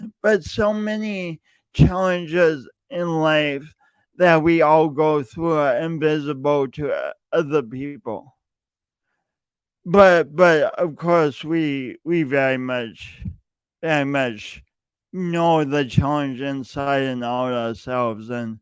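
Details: Male podcast host who says his speech impediment is audible every time he speaks; speech impediment (stuttering-like disfluency).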